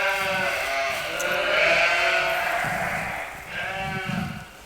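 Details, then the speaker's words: Ewe lying down too long and unable to rise, declining over days: long, rough, groaning bleats with raspy, noisy breathing; chest sounds raspy. "I don't like the sound of her chest. This is what happens when they're down too long. You can really start to hear them get raspy."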